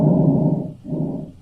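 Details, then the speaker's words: Simulated normal breath sounds from lung auscultation on a virtual-reality patient simulator: soft, low, rushing breaths in two swells. "so when you want to press breathing you can do auscultation of the lungs so you just press where you want to listen and you can hear him breathe"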